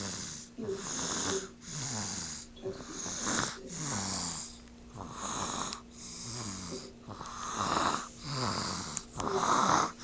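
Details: Loud rhythmic snoring, about eight to nine rattling, partly whistling breath cycles in ten seconds over a steady background hum; no sound effects used.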